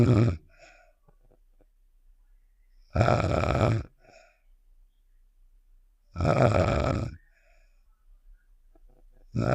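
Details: Sound effect of the character Star snoring (Save The Shapes), simulated: loud, rough, voiced snores repeating about every three seconds.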